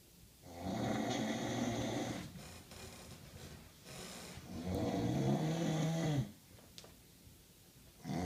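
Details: Person snoring heavily: very loud, long, grunting, pig-like snorts about 15 a minute, growing louder.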